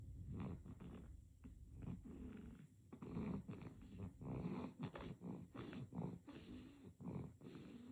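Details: Sleeping baby snoring: soft, fluttering, rattly snores with each breath, steady and continuous.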